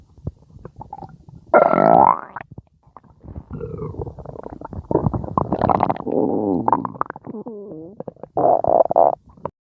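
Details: Stomach growling: borborygmi.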